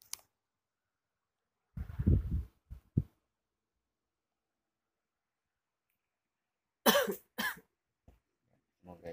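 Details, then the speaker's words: Adult, sitting up, ill at night with sore throat, shortness of breath, cough and nausea. Two separate bouts of low, rough coughing with silence between, several coughs in all. "Jadi batuk dia biasanya kalau udah batuk biasanya memang mesti ada yang dikeluarkan seperti ya berbentuk ludah atau dahak ya, tapi nggak tahu keluar apa enggak, beliau yang tahu."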